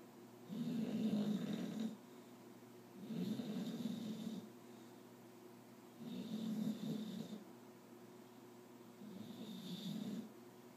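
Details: Loud regular rumbling snores with a raspy edge, about twenty a minute, from a sleeping bulldog, with some dreaming/nightmare mixed in; snoring.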